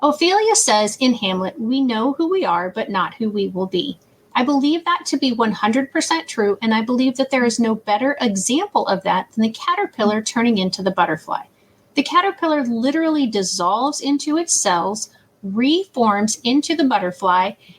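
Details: Adult woman; normal speech.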